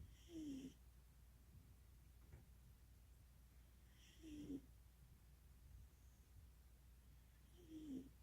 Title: Flint the Cat snores